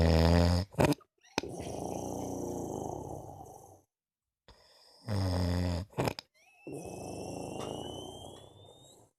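Loud rattling snores alternating with long noisy exhalations and brief pauses; heavy snoring.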